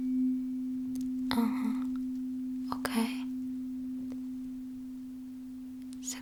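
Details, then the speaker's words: Steady pure tuning-fork hum with soft rustles and whispers, fork placed on top of the head in a simulated ASMR cranial nerve exam roleplay; sound reported symmetrical on both sides: Weber test tuning fork tone. "Well, now the other hearing test involves a tuning fork. I will put it on the top of your head first and uh yeah, I'll ask you just a few questions regarding your hearing."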